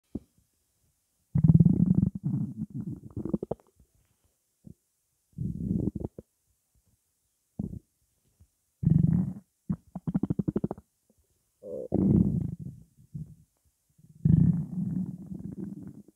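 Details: Stomach after drinking cola: loud, low gurgling and rumbling in repeated bursts separated by quiet gaps; active bowel sounds (borborygmi).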